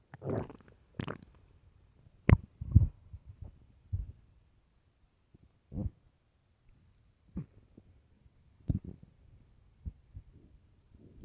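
Scattered short gurgles and low groans separated by quiet pauses, typical of a hungry stomach growling.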